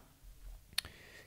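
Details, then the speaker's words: Nutrisense continuous glucose monitor: the sensor applicator and sensor pack, dark marks lined up, are pushed together on a hard surface, giving a single sharp click in a quiet room as they lock; glucose monitor applicator click. "the two pieces use a hard surface and push down sometimes you can hear a click"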